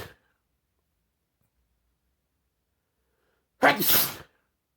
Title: sneezing hard (this is my favorite video)